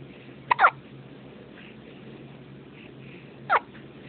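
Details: Two short, sharp hiccup bursts about three seconds apart over steady background hum: hiccups.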